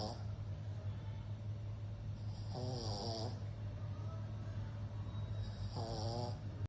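Two snorting, fluttering snores over a steady low hum, from a sleeping flat-faced dog.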